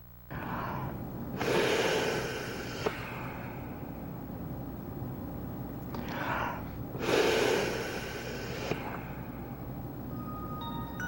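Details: Two long forceful breath sounds a few seconds apart with a quiet pause between them: rescue breaths given to an adult casualty (eight years and older) during a CPR training demonstration.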